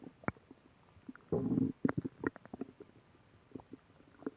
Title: Stomach growling